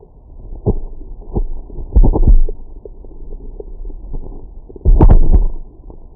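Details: Stomach growling after breakfast: low gurgling rumbles in irregular bursts with two louder runs; ordinary post-meal bowel sounds (borborygmi).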